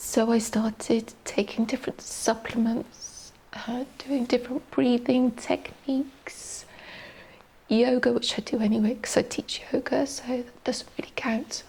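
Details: Adult woman with adductor-type spasmodic dysphonia, a neurological disorder with laryngeal muscle spasms during speech, diagnosed by an ENT specialist and previously treated with Botox; affects voice quality, pitch and loudness; adductor spasmodic dysphonia.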